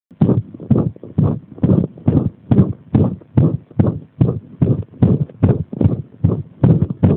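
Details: Rapid, loud, low-pitched heartbeats with somewhat uneven spacing; an arrhythmia deliberately provoked by applying pressure.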